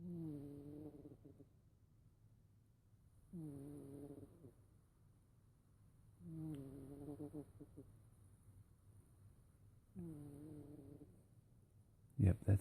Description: Cat snoring loudly